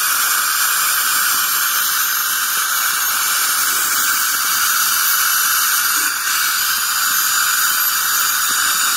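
Continuous high hiss and whine with water spray, a dental scaler removing tartar.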